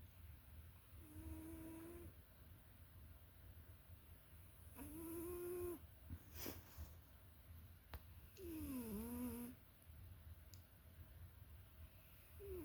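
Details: Sleeping cat snoring: soft, faint whistling snores at about 16 breaths a minute over quiet room hum; snoring.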